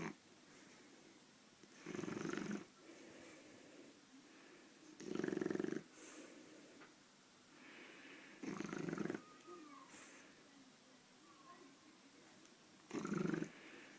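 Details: Shar Pei puppy snoring while asleep: soft snoring breaths, about four every 14 seconds, with a rough fluttering sound on each breath.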